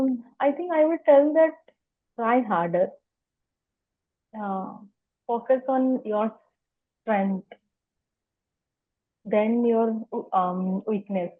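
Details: Adult woman who has stammered for as long as she can remember, speaking spontaneously in an interview; stuttering.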